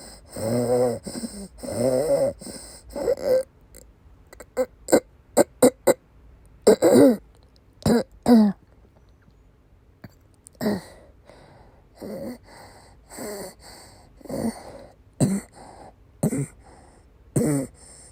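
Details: Woman during persistent asthma attacks with migraine-cluster headache complex, with coughing and vomiting: about a dozen harsh coughs in bursts with strained retching-like sounds between; persistent cough during an asthma attack.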